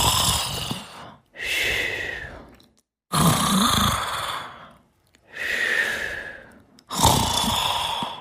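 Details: Snoring during sleep: loud, harsh breaths at about 16 a minute, with long noisy inhales and exhales separated by brief pauses.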